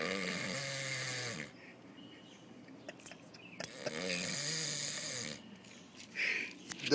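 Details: Person asleep after a long day: harsh, buzzing snores on each breath with quiet gaps between, and faint Spanish talk in the background; sleep snoring.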